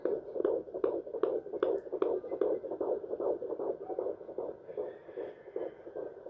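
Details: Fetal heartbeat at 14 weeks 5 days of pregnancy on a handheld Doppler: rapid, regular whooshing beats around 150 a minute.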